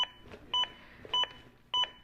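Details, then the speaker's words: Zoll AED Plus trainer during simulated CPR on a manikin: regular short high metronome beeps about every 0.6 seconds, roughly 100 a minute, synchronized with chest compressions. "the beeps begin again and are synchronized to my compressions and again speed me up to at least 100 compressions as recommended by the American Heart Association"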